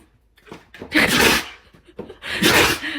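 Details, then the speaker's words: A person deliberately fakes two loud, sharp sneezes in front of their dog, each with a short intake before the burst: imitated human sneezing. "Fake sneeze at your dog. Fake sneeze in front of your dog. Excuse you."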